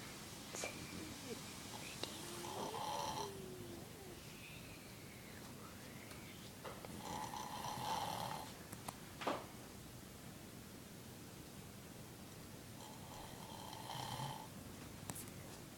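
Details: A sleeping person snoring: soft, noisy breathing with fluttering snores on three breaths over about 16 seconds, about 12 breaths a minute, with faint room noise.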